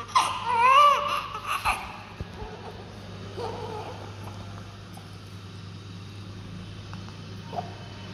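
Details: Newborn baby girl just after a morning birth, after cleaning: a brief high-pitched cry in the first second or two, then quiet room noise with a steady low hum.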